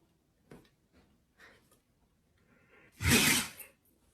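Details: Siberian husky sneezing non-stop; a few soft sniffs, then one loud, sharp explosive burst of air through the nose; dog sneezing.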